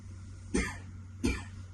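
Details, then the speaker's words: Acted, faked cough for a birthday-party prank, friends leave fearing corona. Two short, harsh cough bursts about half a second apart. "Today's content, What if my much-anticipated birthday party was ruined by a single cough?"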